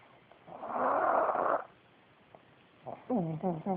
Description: Snoring pugs on a bitter cold day following the December 2010 snow storm and blizzard that brought down the Metrodome roof in Minneapolis.